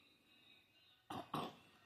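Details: Adult father with a cough and cold: two short, harsh coughs in quick succession, with faint room hum behind.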